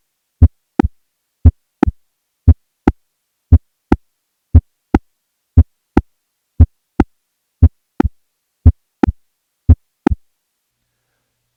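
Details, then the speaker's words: Mechanical aortic valve (AVR) in a patient, heart sounds played after a normal S1 and S2 for comparison: regular paired sounds near 58 a minute with a sharp, crisp metallic click as the second sound; mechanical aortic valve click. "I'll give you an example of a mechanical AVR click. First I'll play a normal S1 and S2, so those sounds are fresh in your mind for comparison. Now here is a patient with a mechanical aortic valve."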